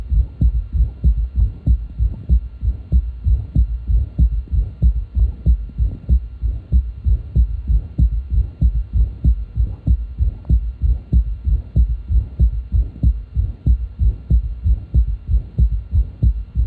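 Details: Auscultated with the stethoscope bell at the left ventricular apex: regular heartbeat near 95 a minute with a soft, low-frequency third sound after the second sound that waxes and wanes in amplitude, quieter example: third heart sound (S3).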